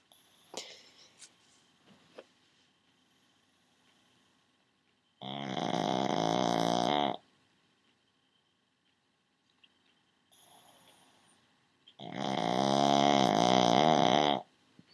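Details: Pug dog snoring very loudly: two long, loud rattling snores with a buzzing, vibrating tone; snoring.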